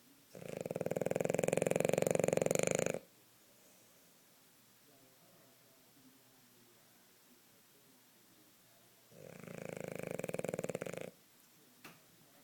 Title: Hazel napping and snoring